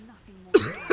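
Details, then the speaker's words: Single abrupt, harsh cough from a person who has coughed a little all day and much worse over the last hour; former smoker who has not smoked in about 10 years; ordinary cough. "Yeah, I don't know what's wrong with me. I've been coughing a little bit today, but ever since like the last like hour or so, I've been like way worse."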